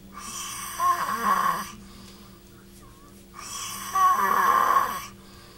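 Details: Recording of a man's snoring played back while he snored again and re-recorded, so both sound together: two rasping, rattling breaths with quieter gaps and a steady background hum; snoring.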